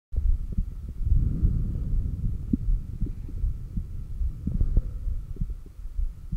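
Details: Normal heart sounds recorded by stethoscope at the cardiac apex during exhaled (stomach vacuum) and inhaled breathholds with SpO2 display: soft, low heartbeat thumps, partly masked by a steady rumble and a faint hum.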